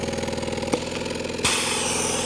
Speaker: you can see the exhaust is perfectly fine the only problem is the noise creating a lot of noise